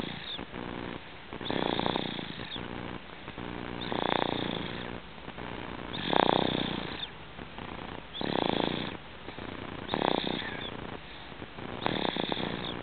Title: snoring